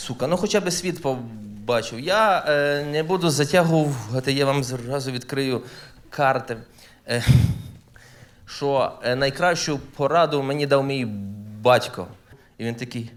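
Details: Adult male stand-up comedian who says he stutters, performing live; genuine self-reported stuttering.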